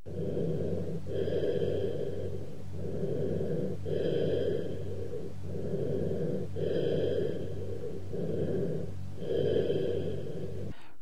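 Hollow, low-pitched breath sounds with loud, prolonged expiration and a pause between phases: cavernous bronchial breathing over a cavity.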